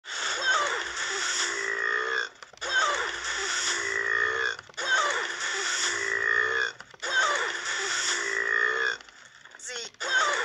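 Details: Burping after eating: four long, drawn-out voiced belches, each about two seconds, with brief pauses between.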